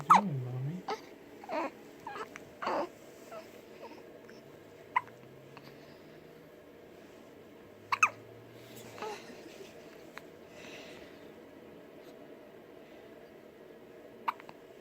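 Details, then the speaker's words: Baby's hiccups: soft, brief, sharp catches at irregular intervals over quiet room noise, with a few small fussing sounds. "You got the hiccups? What are you doing?"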